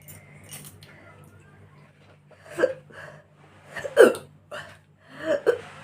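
A few short, abrupt catches in the throat at irregular intervals over a faint background hum, fitting hiccups.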